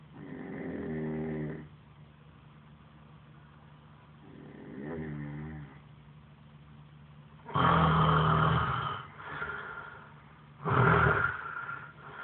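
Loud, rough snores of uneven strength and timing, roughly 20 a minute; sleep snoring.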